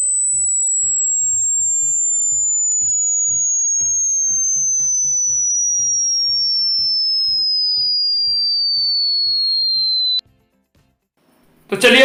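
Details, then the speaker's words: Hearing-range test: a steady, high-pitched, whistle-like tone slowly falls in pitch over about ten seconds over soft background music. Listeners are told to use headphones in a quiet place and note the frequency at which they can no longer hear it. "अब आपको अलग-अलग frequency के आवाजें सुनाई जाएंगी और जहां तक की आवाज यह आप सुन पा रहे हैं वहां पर इस वीडियो को पोस्ट करके वह नंबर को नोट कर लें क्योंकि वह आपकी सुनने की क्षमता को लिमिट होगी"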